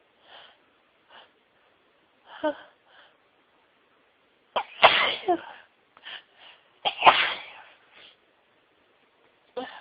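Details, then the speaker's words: Sneezing fit after sneezing all day at work, with sneezes teasing and getting stuck: a run of repeated sneezes, some soft and some forceful, with short gasping intakes between them. "Oh. I'm gonna sneeze. Keep teasing me and getting stuck. Oh, bless me."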